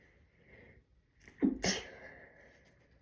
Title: Quiet sneezes